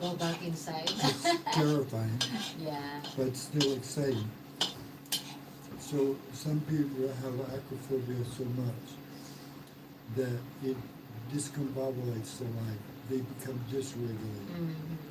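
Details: Mild aphasia after stroke in a man 115 days into self-therapy; restarts his sentence with hesitations.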